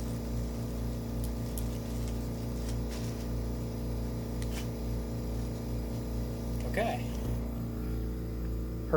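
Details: Home tracheostomy suctioning of an infant daughter, who gets gunky after eating. Suction catheter inserted to 10.2 cm with a trach guard, using a DeVilbiss machine. Steady motor hum with a brief wet, gurgling slurp near the end.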